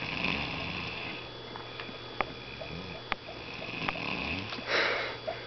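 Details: Rhythmic rattling snore breaths with soft sniffing in a quiet room; Nemo sleeping, snoring.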